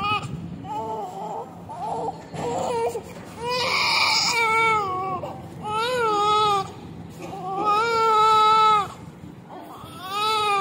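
Loud, strong, repeated crying in bursts from a newborn: a vigorous first cry after birth, a normal sign.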